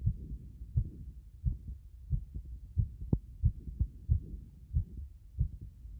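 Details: Heart sounds with frequent arrhythmia: heartbeats at about 90 per minute with uneven spacing and early beats throughout, an irregular rhythm with frequent extra beats.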